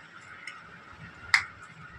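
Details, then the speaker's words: Glass ampoule for a 3 ml injection snapped open at its red mark, before an intramuscular injection into a child's lower back/hip. A single sharp crack over quiet room noise. Glass ampoule snapping open. "तो सबसे पहले यहां देखिए यहां हम यहां पर जो रेड कलर का है वहां से हम इसको तोडेंगे तो यहां पर इसको हम तोडेंगे"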